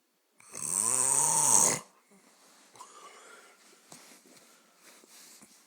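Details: Sleeping person: one loud, harsh rattling snore, then quiet breathing with faint clicks; snoring loud enough to keep a bed partner awake.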